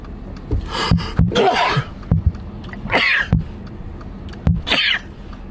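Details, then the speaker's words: A man has a sneezing fit: several sharp, explosive sneezes in rapid succession, each with a quick indrawn breath. "e me pardon me I got okay I can't just sneeze once I got to do the five"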